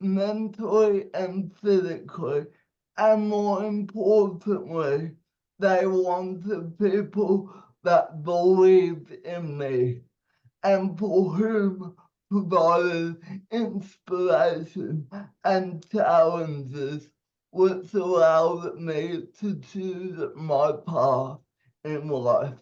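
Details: 27-year-old man with cerebral palsy, speech affected by his condition; dysarthria (cerebral palsy).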